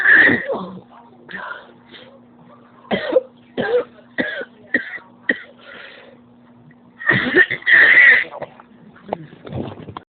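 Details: Coughing fit: repeated harsh coughs and throat clearing in clusters, with strained breaths and quieter gaps, leaving the cougher physically drained and in pain.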